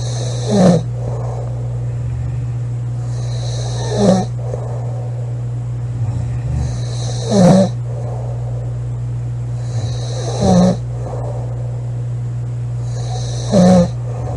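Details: Sleeping girl snoring loudly: snorting snores every three seconds or so, about 20 breaths a minute, with hissing exhalations between, over a steady fan-like hum.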